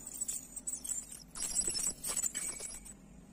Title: 🇳🇵Teeth Cleaning! Dental Scaling!Tartar-Professional Cleaning-Ultrasonic scaler-Gum Swelling #Shorts